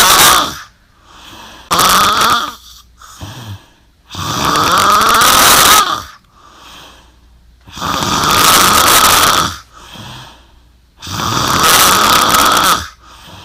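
Very loud, harsh rattling snores on each breath in, with quieter breaths out, about 18 breaths a minute; heavy snoring during sleep.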